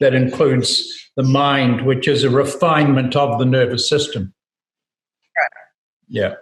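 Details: Adult man speaking; normal speech.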